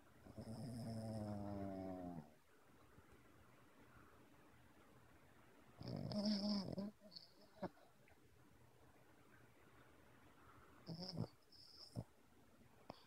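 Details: Sleeper snoring, possibly while dreaming: two loud, rough, drawn-out snores several seconds apart, with quieter snorts between them, in a quiet room; snoring.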